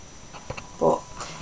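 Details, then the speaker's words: Pet dog asleep on a pillow, a loud snorer: a single loud, grunting snort over faint room noise, dog snoring. "and I'm sorry if you can hear my dog snore and she's a bit of a loud one and she's right there on my pillow"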